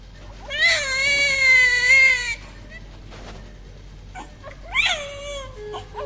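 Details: Newborn full-term baby boy after normal delivery: a loud, sustained cry with a clear pitch, then a shorter second cry after a pause.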